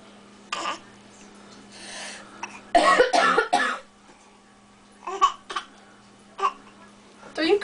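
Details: Young child imitating an adult's cough he has heard over several days: a run of short, forced coughing sounds with breathy pauses between bursts; simulated cough.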